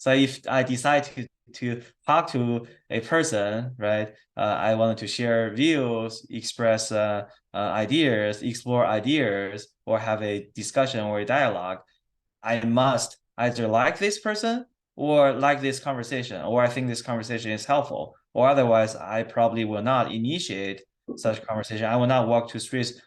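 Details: Adult male who stutters, interviewed by his speech therapist; stuttering.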